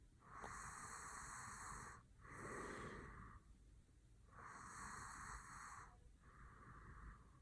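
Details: Slow, noisy, whistling nasal breaths, about 15 a minute, with a snorting quality from a sleeping adult man whose nose and mouth are lightly touched: snoring.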